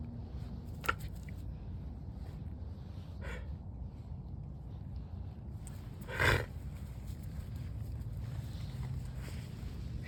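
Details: Animal coughing outdoors: a single short, forceful cough stands out over a steady wind-like rumble, with a faint earlier burst.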